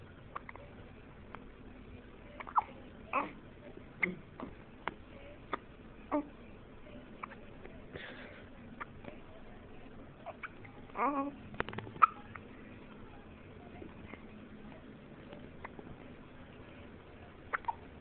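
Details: Baby with hiccups: several short, abrupt hiccup-like catches of breath at irregular intervals, with soft baby sounds and room noise in the background.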